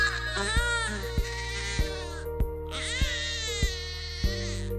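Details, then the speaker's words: Infant aged 0–3 months: two strained 'eairh' cry bursts over background music, shown by a pediatrician as the Dunstan Baby Language cry meaning much gas built up in the lower tummy. "બાળકને પેટમાં ખૂબ જ પ્રમાણમાં gas બન્યો હોય છે ત્યારે બાળક આવો અવાજ કરે છે"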